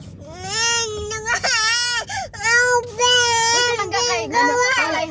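A baby crying in repeated wailing bursts with catches of breath between, with a clear, strong voice.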